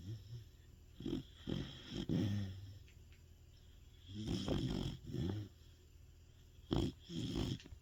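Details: Very loud, low, rumbling snores in uneven bursts with quiet pauses, from a sleeping large dog tagged as a Sapsali (Korean shaggy breed): dog snoring.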